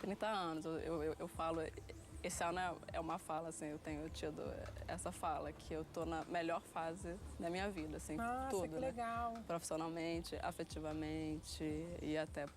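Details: Stuttering since early childhood in a 30-year-old woman, treated with speech therapy and group therapy.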